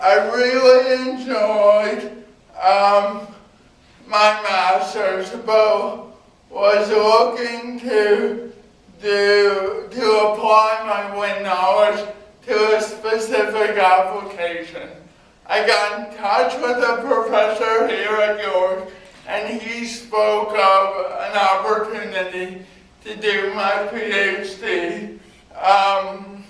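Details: Adult man with cerebral palsy giving a talk about his own life; dysarthria (cerebral palsy).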